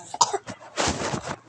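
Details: Child coughing: a quick run of two or three short, sharp coughs, then a longer rough, rasping cough.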